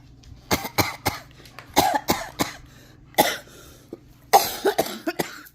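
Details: Simulated, acted bursts of harsh, dry coughing in quick clusters, imitating a coughing asthma fit with calls for help, while training a dog to fetch the rescue inhaler.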